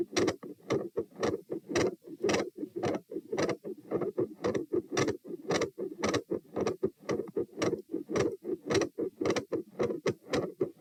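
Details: Heart sounds recorded at position T while standing, 108–120 bpm. A fast, loud heartbeat with an intermittent machinery-like murmur, rough whooshing between beats, and a murmur at S2 that gradually changes.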